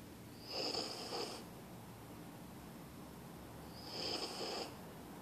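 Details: Small female husky snoring, said to be louder than a bigger dog: soft, hissing, slightly whistling snores, about 18 breaths per minute, over steady room noise.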